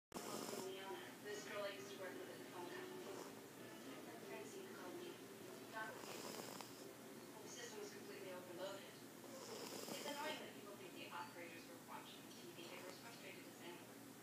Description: My fat cat Polly snoring